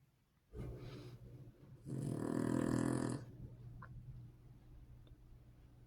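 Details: Sleeping dog in a quiet room giving two rough, rattling snores, the second longer and louder; snoring.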